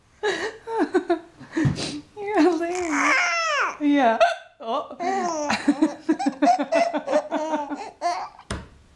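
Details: Mother's hiccups: sharp, repeated adult hiccups breaking into laughter and vocal sounds, with an infant babbling nearby; ordinary hiccups.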